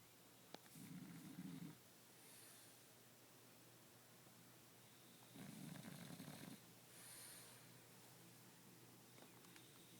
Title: Elmo Snoring